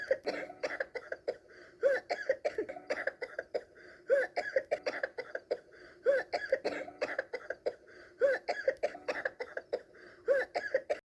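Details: A child gives repeated short, dry coughs in clusters as part of pretend play; the coughing is acted.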